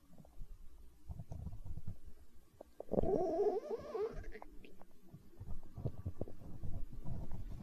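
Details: ASMR recording of a growling stomach tagged as hunger sounds: low gurgling rumbles with a longer rising, bubbling growl in the middle; stomach growling (borborygmi).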